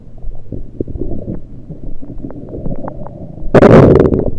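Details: Stomach recorded with a USB electronic stethoscope, only liquids taken at the time: scattered bubbling gurgles and small pops ending in a loud rushing gurgle; ordinary bowel sounds.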